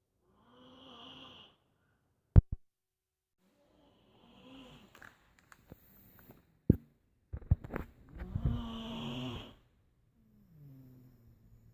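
Slow, rough rattling snores on the in-breath, about 14 a minute, separated by quiet pauses and a few sharp clicks; ordinary snoring.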